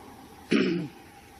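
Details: A woman during her 2017 Wellesley College commencement speech: a single short, throaty cough in a quiet pause of speech, part of a coughing bout.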